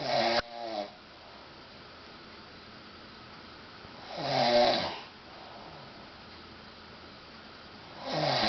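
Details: Husband snoring during sleep: loud, rough, rattling snores about every four seconds, roughly 15 per minute, with quiet breathing between; ordinary snoring.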